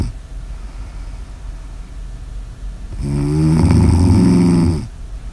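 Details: Quiet breathing, then one loud, rough, vibrating snore on an in-breath lasting about two seconds; snoring recorded for ASMR.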